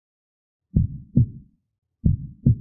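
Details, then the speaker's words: Two slow, regular lub-dub beats in a heart sounds lecture: normal S1 from closure of tricuspid and mitral valves and S2 from closure of aortic and pulmonary valves, nothing extra between; normal heart sounds. "So S1 due to closure of triricuspid and mital walls. S2 due to closure of aotic and pulmoni walls."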